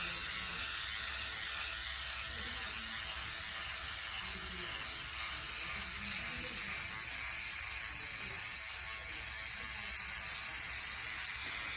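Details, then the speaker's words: Continuous high buzzing whir like an electric toothbrush as a microneedling pen runs over an adult woman's facial skin, in her 40s, during her first microneedling procedure; microneedling pen in operation. "damn i can't wait it sounds like my toothbrush it does doesn't it it does"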